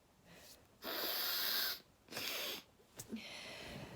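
Two loud, harsh nasal snorts with hissy bursts of air through the nose, followed by a short sniff. Snorting, not clear sneezes.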